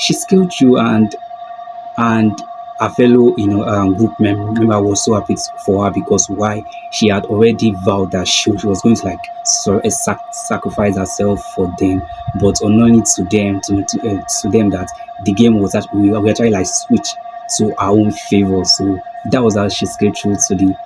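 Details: Stuttering in an adult man who calls himself a stammerer.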